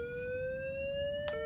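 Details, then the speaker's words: Steady rising electronic whine as a LIFEPAK defibrillator, connected to a simulator, charges to 100 joules before a synchronized cardioversion shock in a training demonstration; defibrillator charging tone. "So, I'm going to take it down to 100 jewels. Same thing. And we're going to charge it up."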